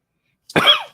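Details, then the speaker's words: Cough from an adult speaker who says he has a chest cold. "I've I got like a chest cold that's why you hear me coughing"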